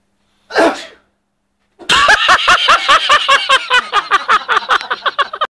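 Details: Sneeze triggered by a spray: one loud explosive sneeze, then a long run of rapid, voiced bursts in quick succession.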